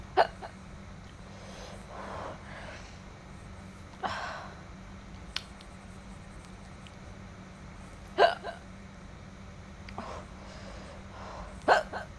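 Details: Girl eating spicy food, lips burning from chili: repeated sharp hiccups, about 17 a minute at uneven intervals, with soft eating sounds and a steady background hum.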